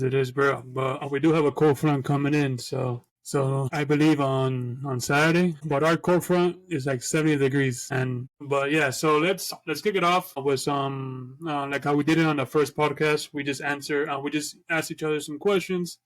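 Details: Two adult male podcast co-hosts who both stutter, talking together; stuttering.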